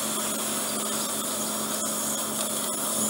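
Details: Endoscopic ear wax microsuction of an impacted right ear in an adult man with bilateral reduced hearing, painful right ear and suspected swimmer's ear bony protrusions: steady high-pitched suction hiss with brief gurgling breaks as wax is drawn in.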